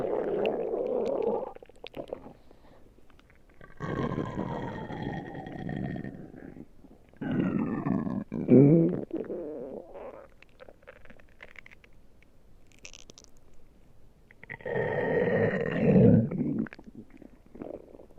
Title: my stomach growling